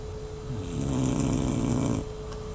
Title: snoring ...so loud !!!!咁鬼大聲，有無搞錯!!